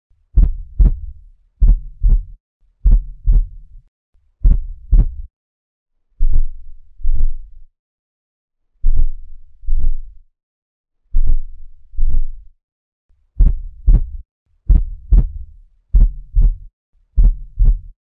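Clear paired lub-dub heart sounds, slow and unhurried, with a normal two-sound rhythm.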